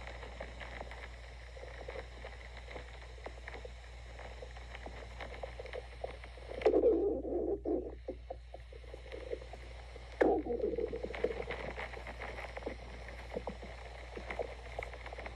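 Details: Two low gurgling, rumbling bursts of stomach growling over a steady low hum: bowel sounds (borborygmi).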